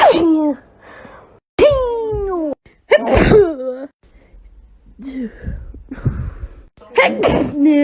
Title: sneezing compilation 12